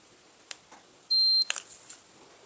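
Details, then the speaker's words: Braun forehead thermometer finishing a reading (lower than under-tongue readings): single high electronic beep about a third of a second long, faint handling clicks around it; thermometer beep. "Now let's go with the last one here, the Braun. Forehead. Just did one beep."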